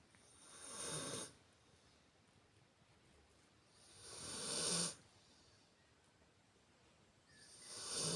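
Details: Funny loud snoring during sleep: slow, airy, hissing breaths, about three in eight seconds, each building and cutting off sharply; snoring.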